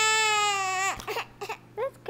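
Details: Sustained, clear, high-pitched wail breaking into short whimpering sobs from a baby with teeth who had just eaten an oatmeal breakfast; parent suspects the crying is partly fake. Ordinary infant crying.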